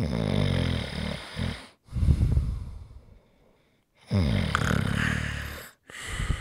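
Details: ASMR snoring recording: harsh, rattling snores with snorting bursts and a brief silent pause between breaths; snoring.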